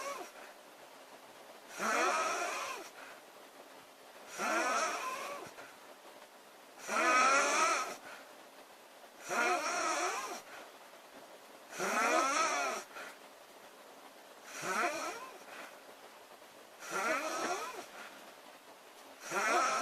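Loud, rattling snores repeat steadily, about 24 per minute, with quiet breathing in between: ordinary snoring during sleep.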